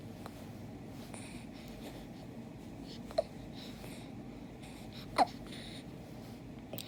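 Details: Hiccups in an infant in a quiet room: brief, sharp catching sounds recur about every two seconds, with faint background noise.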